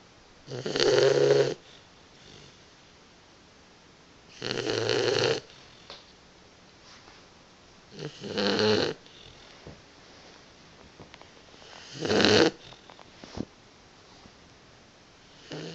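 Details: Boxer puppy napping: loud rattling snores, four in about 16 seconds (roughly 16 a minute), with quiet pauses between; ordinary snoring during sleep.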